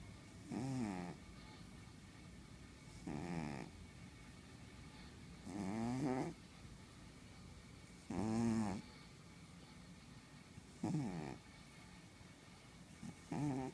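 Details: Sleeping pet cat: regular rattling snores about every 2.5 seconds, roughly 24 a minute: snoring.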